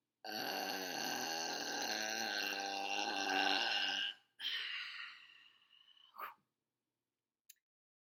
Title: Some good long burps